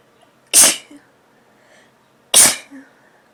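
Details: Person with a head cold and a tickling nose, after blowing the nose, possibly inducing the sneezes: two sharp, forceful sneezes, each followed by a brief soft catch of breath, in a quiet room.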